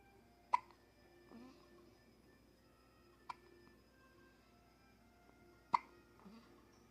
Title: THE CUTEST BABY GETS THE HICCUPS! 🍼 #baby #shorts